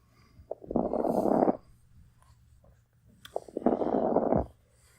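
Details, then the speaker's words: Lungs heard through a stethoscope in congestive heart failure: two breaths with loud, wet, bubbling coarse crackles (rales), like blowing air through milk or an old coffee percolator. "if you've ever blown air through like a pop or milk that's what sounds like or an old coffee percolator"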